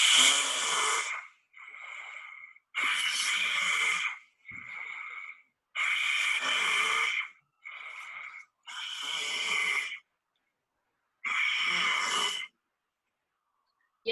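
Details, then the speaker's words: Purebred Arabian breeding mare kept loose in the field, with inspiratory and expiratory upper airway noise; harsh rasps alternating with quieter whistling; lung auscultation not abnormal; initially treated like RAO without significant change, endoscopy recommended. "pura raza árabe que es de cría, que está suelta en el campo y el veterinario y el propietario notan que hay un ruido inspiratorio y expiratorio."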